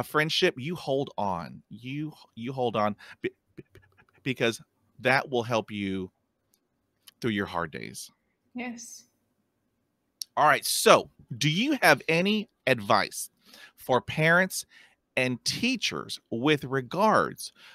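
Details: Real stuttering in an adult man who stutters, heard while hosting a podcast about life with stuttering; stuttering.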